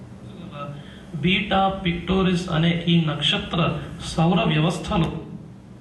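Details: Male at about age 17, before voice therapy, speaking his native language; voice stayed weak, high-pitched, squeaky and cracking after puberty; later diagnosed puberphonia, vocal folds not closing fully, leaving an air-leaking gap.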